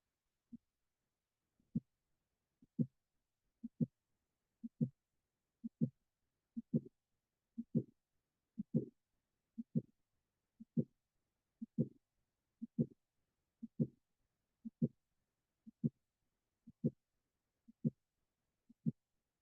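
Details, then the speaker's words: Mitral valve prolapse: regular heartbeat near 59 a minute with a midsystolic click followed by a short late systolic murmur. "will cause the mitro valve to prolapse into the LA later, pushing the click from mid to late cy and shortening the duration of the late systolic murmur. Let's take a listen at the murmur of mitro prolapse."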